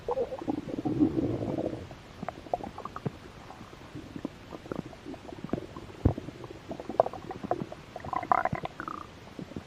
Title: Stomach growl. I was a little hungry.